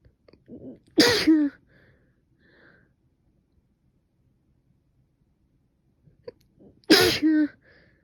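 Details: Female sneezing repeatedly after waking in the morning, nose stuffed up afterwards: two sharp, explosive sneezes, each preceded by a brief inhaled catch, separated by quiet.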